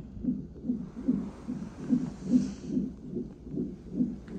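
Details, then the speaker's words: Fetal heart tones on a fetal monitor in labor and delivery triage at 34 weeks of pregnancy, with the mother having sharp abdominal pain: rapid regular whooshing pulses near 146 a minute; normal, strong fetal heartbeat. "I just had a very very sharp pain look at hear the heartbeat they got me on the [Music] monitor"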